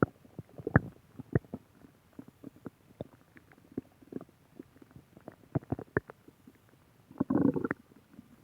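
Scattered gurgling pops and a longer rumbling growl near the end: ordinary stomach growling.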